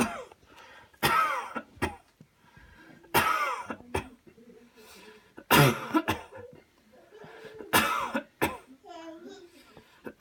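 Four strong, deliberate cough bursts with quieter breaths and throat sounds between them; a voluntary, acted cough.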